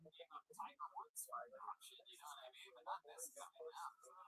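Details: Adult man; ordinary speech.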